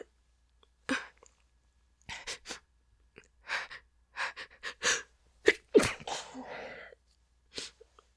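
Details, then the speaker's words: Acted scenario of an adult woman hiding in a closet trying to stifle a sneeze: breathy build-up gasps and short bursts, then a sharp, partly muffled but loud sneeze with a trailing exhale in a quiet room. "I still need to sneeze. Uh-oh, did they hear that? I know it was loud."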